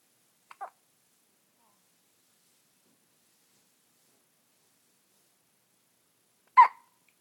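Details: A 4-day-old baby's first hiccups: two short, sharp hiccup sounds about six seconds apart in a quiet room.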